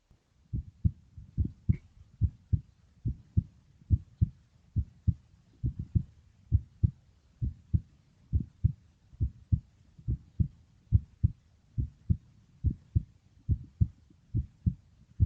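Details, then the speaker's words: Heartbeat played in a video on how the heart works, in a third-grade lesson on the human circulatory system, steady paired lub-dub thumps at about 70 per minute as the heart alternately contracts and relaxes. "так як працює серце так побачили що серце почергово то скорочується то розслабляється"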